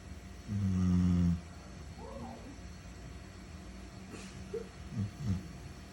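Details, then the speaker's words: Sleeping dog snoring like a person: one loud, low, rattling snore lasting about a second, followed by quieter snorting breaths, with faint background noise. "Mi nombre es Mimi y el día hoy quiero que escuchen por primera vez en su vida un perro roncar como una persona"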